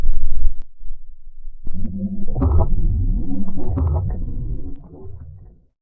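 Long, low gurgling growl lasting several seconds after a brief loud burst; a prolonged stomach rumble.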